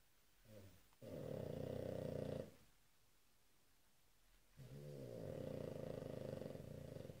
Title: Oskar the Pug sleeps and snores